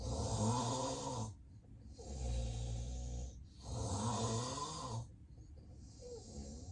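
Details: Adult recorded during a real, unplanned daytime nap: heavy, harsh snores alternating with short quiet gaps, with heavy breathing and apnea pauses; loud obstructed-airway snoring fitting severe sleep apnea.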